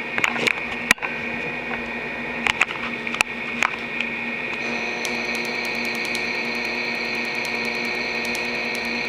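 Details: Q-switched laser removal of a cobra tattoo done in plain Indian ink in 1985, removed in 2011 under local freezing (tattoo #3): steady machine hum with a high tone and sharp rapid clicks of laser pulses.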